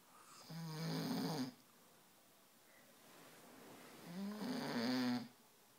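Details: Loud snoring that woke a sleeping cat: two loud, drawn-out snores with a droning, buzzing pitch, separated by a quiet out-breath.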